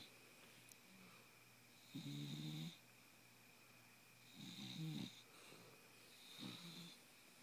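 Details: Wide-awake bulldog snoring: rough, rattling, low snores on breathing in, about three over seven seconds, with quiet pauses between; snoring-like noisy breathing while awake.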